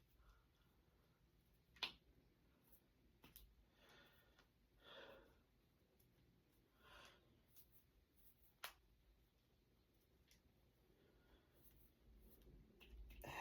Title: Cracking my fingers and knuckles. #jointcracking #knucklecracking #cracking #crackingasmr